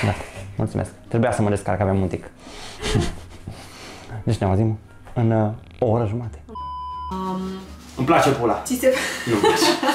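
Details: Man with Tourette syndrome speaking Romanian while cooking, with repeated obscene vocal tics (coprolalia).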